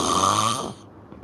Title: Listen to this A-Hole snore #peridrama No u 🙏🏽😂🙏🏽🎤